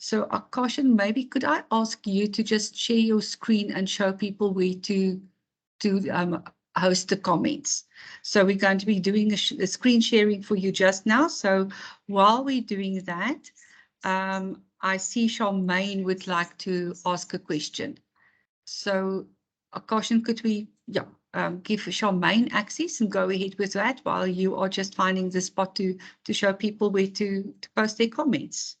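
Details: Adult woman speaking; Normal voice.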